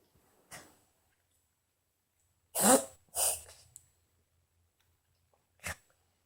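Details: Female dog gives several harsh, forceful cough-like bursts with retching effort: coughing and dry heaving.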